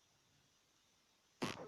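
A single short, sharp sneeze from a cat after quiet room noise.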